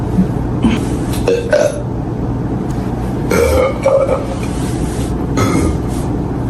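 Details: Compilation of burping: several low, drawn-out belches over steady road noise.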